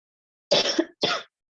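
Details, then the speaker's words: Two short harsh throat-clearing bursts from an adult woman who says her voice is muffled because she is down with a throat ailment; throat clearing. "My voice is a little bit muffled. I'm down with the throat thing right now."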